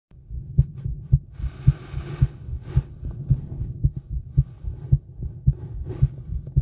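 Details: Female heartbeat recorded outdoors in the woods while smoking: steady regular thumps at about 109 a minute with rustling and low rumbling, some stomach noises; normal heartbeat, somewhat fast.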